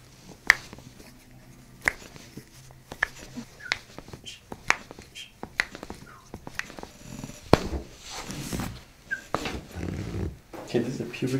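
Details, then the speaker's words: Chiropractic session, female patient; a series of sharp, quiet clicks and pops over a quiet room as her toes are cracked during manipulation: joint cavitation. "I'm gonna crack your toes now,"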